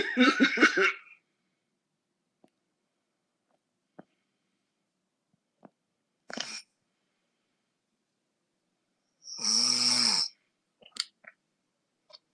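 Loud, irregular snorting snores with rough throaty rattles, separated by silent pauses. Heavy snoring.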